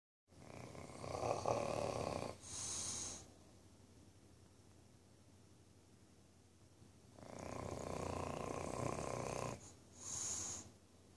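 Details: Tricoloured male English Bulldog napping in the evening: slow rhythmic snoring, long rough rattling inhalation and shorter breathy snort out, about six breaths a minute.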